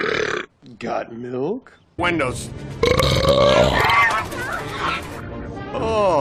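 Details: Burping from a film scene: loud, drawn-out, rumbling burps mixed with grunts, speech and music.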